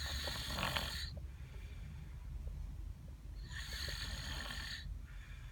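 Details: Child snoring in sleep who can't be woken: two long hissing, rasping breath sounds a few seconds apart, with room noise between them.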